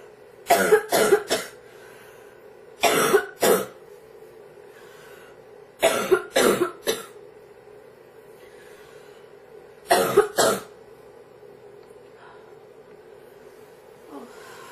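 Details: Girl coughing: four bouts of a child's cough, mostly in pairs, about nine coughs in total with quiet pauses between.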